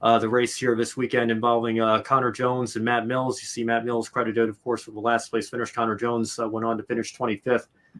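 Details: Adult male speaker; normal speech.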